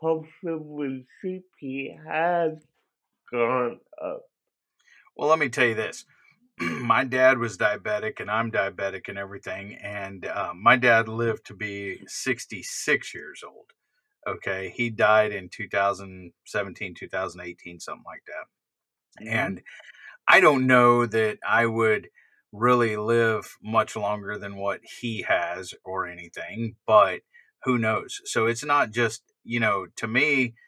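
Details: Adult man speaking; typical speech.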